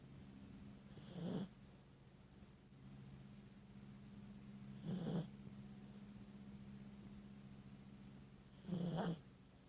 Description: Dog snores